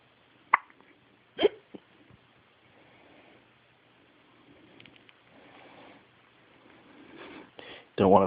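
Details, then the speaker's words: Infant hiccups: a few brief, sharp hiccup sounds from a baby girl, then soft rustling and a louder vocal sound at the end. "you want smile for daddy he's just going to stick with the hiccups going"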